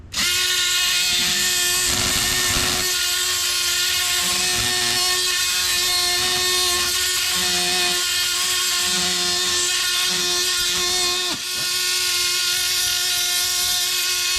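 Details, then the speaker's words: Oscillating bone saw cutting a bone block during graft harvest (STG, BPTB and QTB grafts demonstrated): steady high-pitched whining buzz. "Nu ved jeg godt, den er lidt for bred det her sagkling, men n man køre med 10 mm sagblade."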